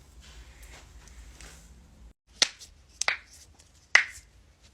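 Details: Joint cracking compilation, tagged for neck and back cracking: three sharp, crisp pops over quiet room noise, typical of harmless joint cavitation from gas release.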